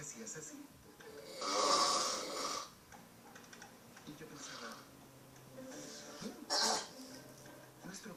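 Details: Adult woman (aunt) snoring: two loud, rough snoring breaths over quieter breathing, with faint TV sound in a dark room; ordinary snoring.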